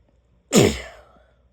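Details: A single forceful, explosive sneeze fading over about half a second; sneezing.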